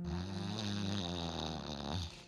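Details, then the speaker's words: A partner imitates a man's deep, rumbling snore, one long, low, vibrating sound fading at the end. It usually happens when he lies on his back and is followed by pauses in breathing in a man with sleep apnea. "It usually happens when he's on his back, and then he will just, he gets into that deep snore like"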